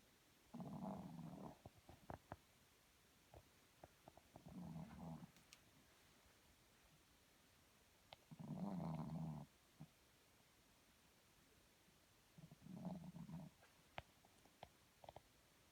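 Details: Snoring: four low rumbling snores, about 15 per minute, with quiet gaps and small clicks between.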